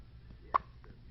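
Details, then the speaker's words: Baby girl under one month old with frequent hiccups: a single short, abrupt hiccup against faint room noise. "this little girl has hiccups like crazy look at those hiccups look at those"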